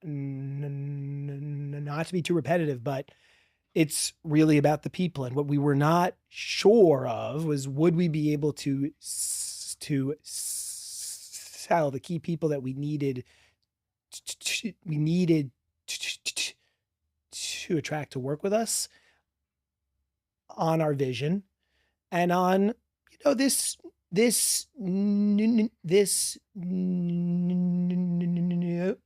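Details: Adult man, a CEO and former prosecutor who has stuttered since childhood, speaking with part-word repetitions and blocks; stuttering.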